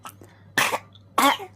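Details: Infant coughing at night with two short, moist cough bursts; the phlegm is not brought up and is swallowed again, consistent with a wet cough.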